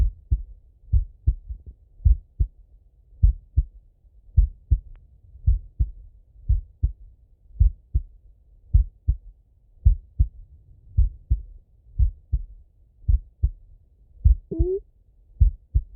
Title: Sleepy Auscultation (Slow Heartbeat)😴❤️🩺 [Male Heartbeat]